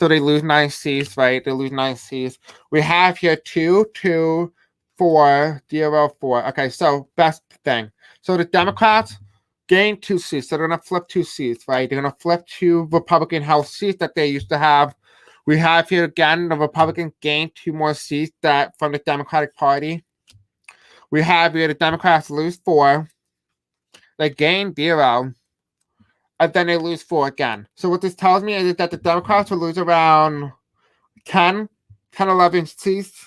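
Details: Adult male host who states he has a deaf accent and difficulty pronouncing certain words; deaf speech (deaf accent).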